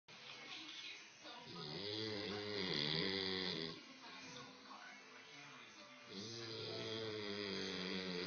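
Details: Hurley, a sleeping dog snoring: drawn-out, buzzing snores in two long breaths, with faint background music or television.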